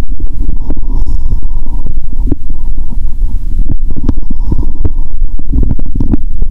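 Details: Person hungry after over 15 hours of fasting, using a stethoscope on the belly before a cola-and-Mentos challenge. Frequent, irregular, almost continuous low gurgles and rumbles. Active bowel sounds.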